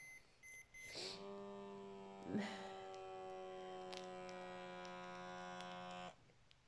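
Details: Button beeps, then a steady buzzing pump motor inflates the cuff for several seconds before stopping: an automatic blood pressure monitor taking a reading.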